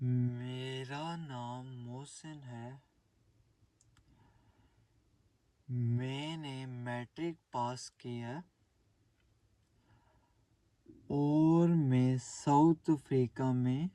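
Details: 22-year-old Pakistani man who has stammered since childhood, with severe blocks as a child and much improvement since, demonstrating the prolongation formula (breath first, stretched first word, pauses every 3-4 words); prolonged speech fluency technique in stuttering.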